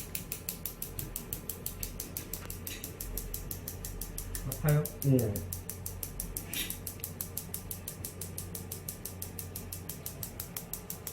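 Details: Focused extracorporeal shockwave therapy treating the biceps femoris (hamstring): rapid, steady sharp clicking pulses, about two to three a second, with brief voices over them, as the device fires during treatment.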